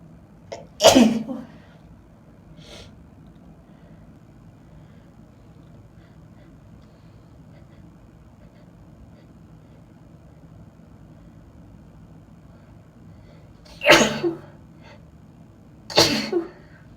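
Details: An adult woman sneezes three times, once early and twice close together near the end; repeated sneezing she can't stop.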